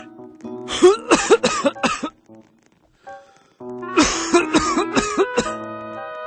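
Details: Two fits of repeated harsh coughing, about ten coughs in all, from a person with a viral illness who cannot stop coughing, over background music.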